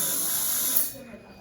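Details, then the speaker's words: Prophy polishing demonstration: high hissing whir of a slow-speed handpiece with prophy angle, cup and prophy paste, fading at the end, polishing distal, facial and mesial surfaces with light pressure. "But you can see that I'm focusing on distal, facial, mesial, and I'm going around and consciously thinking of those surfaces as I adapt the cup. And I'm applying a little bit of pressure when I do that."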